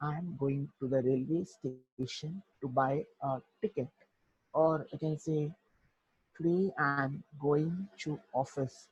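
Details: Adult male who stutters; stuttering.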